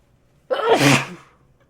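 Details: Single sudden, explosive sneeze with a brief voiced burst, fading quickly into quiet.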